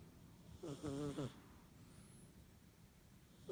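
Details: Sleeping cat: a single brief, fluttering, tonal breath sound, then quiet; snoring.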